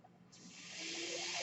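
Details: Breath cycle of the speaker's own mechanical ventilator, audible in the background while she talks.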